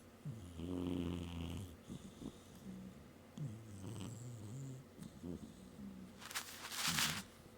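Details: Domestic cat taking a nap on a desk: low rumbling, buzzy snores on sleep breaths, with a louder hissing breath near the end; snoring.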